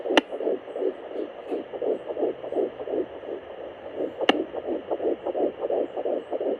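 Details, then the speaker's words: Fetal heartbeat at 10 weeks and 1 day of pregnancy on an at-home fetal Doppler: rapid, regular whooshing pulses at about 170 a minute with two sharp clicks; the readout numbers were described as unreliable. "so there you have it my baby's heartbeat or heart rate at 10 weeks and one day pregnant as you guys saw the numbers were all over the place so this is not a very reliable source of actual numbers"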